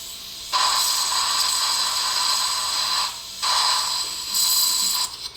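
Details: Dental surgery on tooth 13 with a crown-root fracture: periotome extraction, then OneGuide-guided immediate implant placement with a dual zone graft. Heard are high-pitched whirring bursts of a few seconds, starting and stopping, from a surgical drill or suction.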